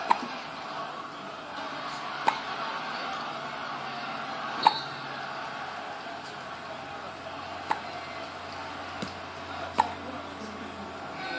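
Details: A person has the hiccups.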